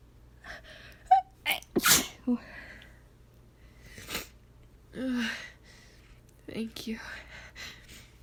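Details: Acted, simulated female performance of a stuck sneeze, asking for her nose to be tickled: quick indrawn pre-sneeze gasps building to a loud sneeze, then soft breathy sounds and murmuring; gasping.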